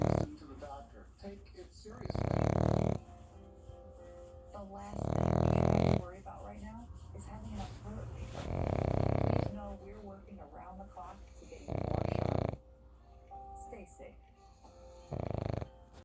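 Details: Pug snoring: loud, low, rumbling snores, about five in sixteen seconds, over faint background music and talk.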